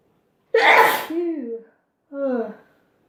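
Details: One loud sneeze with a voiced tail, then a short voiced exhale, from a sneezing compilation; ordinary sneeze.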